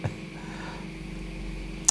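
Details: Ear microsuction device clearing an adult man's ear canal during wax removal, with peeling of wax near the eardrum: continuous airy suction hiss with a steady low hum and brief clicks.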